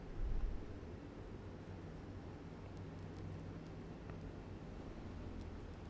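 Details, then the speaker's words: Adult man's upper-arm reading on a Bluedot Smart B-BM071 automatic monitor: quiet, steady low motor hum as the cuff inflates; result 113/77 mmHg, pulse 94; automatic blood pressure monitor inflating. "ต่อไปจะเป็นการเริ่มวัดนะครับเรากดตัวนี้นะครับปุ่มเดียวบุคคลก็จะเป็นบุคคลที่1นะครับรอสักครู่ครับอันนี้เป็นค่าล่าสุดแล้วเครื่องก็จะทำการวัด"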